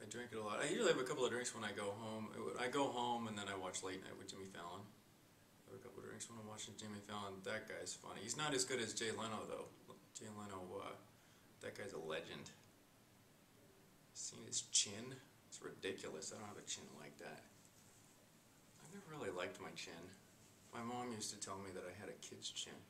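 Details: Acted mental status exam example of a client; vague links between concepts with continuous tangents that never reach the central idea, a possible schizophrenia symptom; loose associations.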